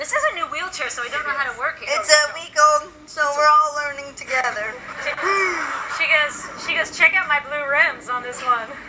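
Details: Adult woman speaking; normal speech.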